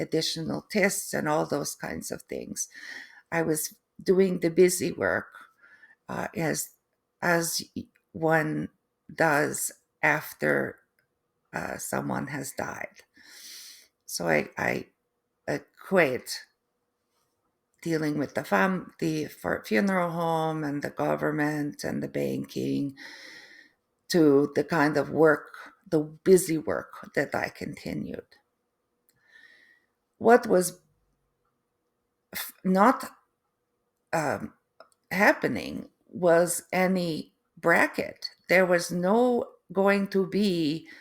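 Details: Adult woman, third-generation Canadian, with post-stroke aphasia and apraxia of speech; foreign accent syndrome began three months after the stroke, which she feels sounds East European; foreign accent syndrome with aphasia and apraxia of speech.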